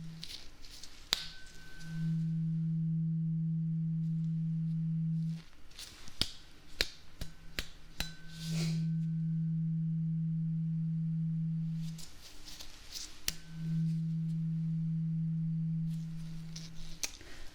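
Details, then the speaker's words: Acted ASMR ear-exam role-play: three struck tuning fork tones, each a steady low hum lasting a few seconds, with taps and rustling between, listener asked to say when sound stops; tuning fork hearing test. "So what we're going to start with first is a tuning fork. Okay, so I am just going to hit it and then you tell me when the sound stops, okay?"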